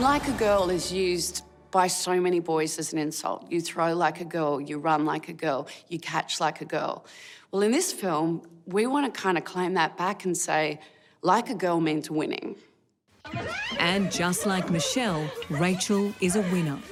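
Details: Adult woman speaking; normal speech.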